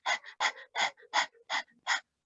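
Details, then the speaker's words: Imitated restrictive breathing pattern: rapid, very short, shallow breaths in quick in-out pairs, about six in two seconds, due to insufficient oxygenation; patient cannot sit or lie comfortably, raises head; restrictive breathing pattern (rapid shallow breaths). "ustedes van a notar que aparte de que estas respiraciones son rápidas porque tienen una oxigenación insuficiente"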